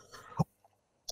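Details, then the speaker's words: A woman speaking live on radio with a bothersome cough that keeps interrupting her: one short, low cough after faint murmured speech, then near silence. "Non, mais en plus, je me rends compte que je parle plus vite que d'habitude, mais parce que cette toux m'embête tellement que j'essaye de dire des choses et pas trop coupé par cette toux."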